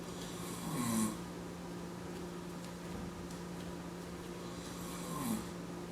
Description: yes it's just a minute and 45 second of my dad snoring...I was that bored one day